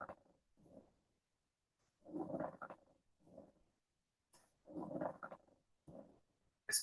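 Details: Rhythmic creaking, grating bursts with each breath, about 23 a minute: a pleural friction rub played as an example in a teaching lecture on lung auscultation.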